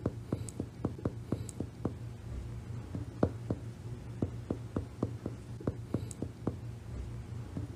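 Series of sharp finger taps on the chest, in groups with short pauses: chest percussion notes, varying between resonant, hollow and dull sounds, with faint room noise.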